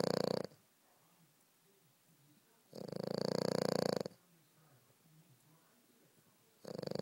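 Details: French Bulldog snoring while sleeping: rough, fluttering snores on the breath in, recurring every few seconds, with quiet pauses between.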